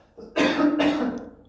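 Two quick, muffled cough bursts from an adult, acted as a demonstration of coughing into the arm.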